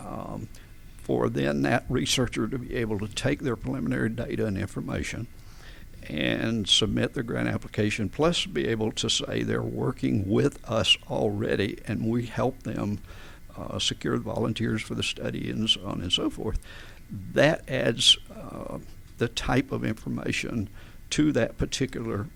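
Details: Adult man with adductor spasmodic dysphonia, onset around 1999-2000: laryngeal spasms make his vocal folds slam together and not release, so speaking takes more effort; treated with botulinum toxin injections; adductor spasmodic dysphonia.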